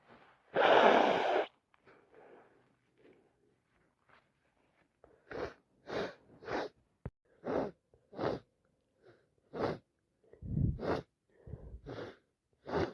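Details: One loud sneeze, then a run of about a dozen short, sharp sniffs through the nose, from a person whose cold has got worse, recorded in real time; non-stop sneezing and sniffing with a cold.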